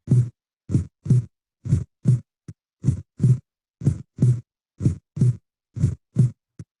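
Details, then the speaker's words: Regular paired lub-dub heart sounds at about 60 beats a minute, played in a cardiac auscultation teaching session on identifying the first and second heart sounds: normal S1 and S2. "لبدب لبدب. خلاص اوكي. اذا احنا كده قدرنا نميز الفيرست ساوند والسكند ساوند."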